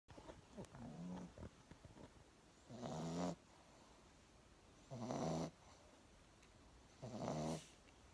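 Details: Regular rumbling, snorting snores on each breath, about 28 a minute, from a sleeping dog; snoring.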